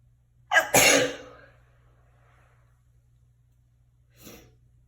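One loud sneeze with a sharp in-breath and explosive burst, then a faint sniff; a single ordinary sneeze in a small, echoing room.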